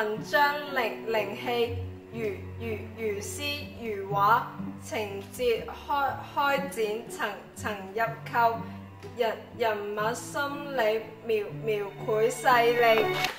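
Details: Acted drama: female student who has stuttered since birth; stuttering.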